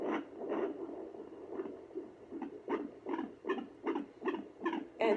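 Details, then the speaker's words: Unassisted weekly at-home pregnancy checkup with a home Doppler on the lower abdomen: fast rhythmic whooshing beats, roughly 150 a minute and somewhat uneven, a normal third-trimester fetal heartbeat. "the baby's heartbeat I just had it it can be kind of tricky because you can find the baby's heartbeat and then the baby can move and then you can lose the party just as quick as you found it"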